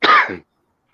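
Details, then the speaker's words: Adult with an ongoing lung problem coughing during a live talk show, described as sounding deep. "I've also got a thing going on with my lungs, so I apologise for the coughing. Yeah, that sounds deep."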